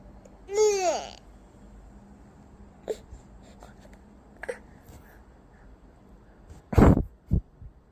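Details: Baby gives a brief sing-song vocal sound, then after quiet room noise two sharp, abrupt sneeze bursts; sneeze.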